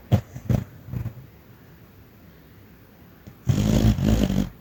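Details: Sleeping dog, dreaming: short low snorting breaths and muffled huffs, a brief pause, then a louder run of rumbling snores; snoring.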